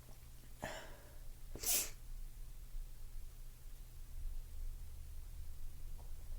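A sharp inward breath followed by one forceful sneeze, then quiet room noise.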